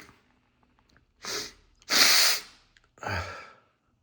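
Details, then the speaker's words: Three loud, explosive sneezes in quick succession, part of a sneezing fit deliberately brought on by sneezing powder, first time trying it; the sneezer finds them unlike normal sneezes, with much spray. "Oh my goodness, these are so different than my normal sneezes. Oh my god. Ooh. Oh my god, it's so much spray."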